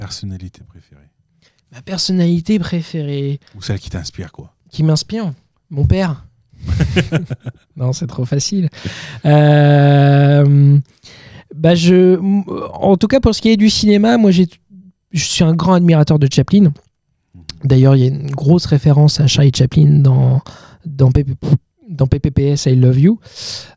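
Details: 31-year-old man with stuttering that he says is now mild after working on it a lot; stuttering.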